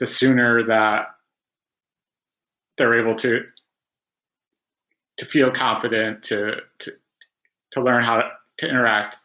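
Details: Stuttering in an adult man who has stuttered since about age five (preschool) and had about 20 years of speech therapy.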